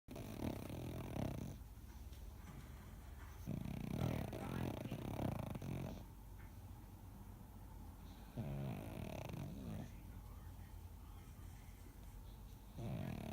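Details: Loud, rough rumbling breaths rising and falling in bursts over steady room noise; a dog snoring very loudly.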